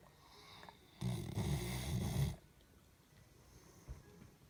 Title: Snoring doggo